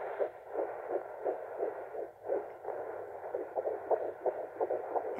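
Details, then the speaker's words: Fetal heartbeat on home Doppler, probe pressed firmly mid-abdomen during pregnancy: fast, regular whooshing pulses about 160–170 a minute, clearly faster than the mother's own strong heartbeat heard just before. "is the baby's heartbeat sometimes it's a little tricky to get it but you can tell by how much faster it is"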